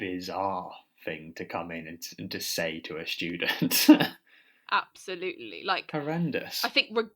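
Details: Adult podcast host who stammers, speaking about stammering at school; stammering.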